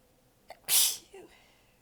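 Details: Brief inhaled catch, then a single sharp, hissy, held-back sneeze and soft exhale, from an exhausted adult with sore abs biting back sneezes during a long, massive sneezing fit; a sneeze.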